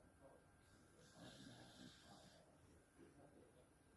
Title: Fat dog snores very loudly #beagle #beaglepuppy